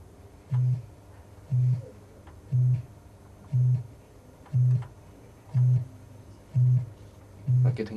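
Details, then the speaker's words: Low steady test beeps, about one a second, raised in loudness during a cochlear implant fitting of a woman who went deaf at 40; tinnitus masks quiet levels, and the tone becomes uncomfortable as it gets louder. "getting louder. Oh, it's getting louder, yeah, it's still uncomfortable."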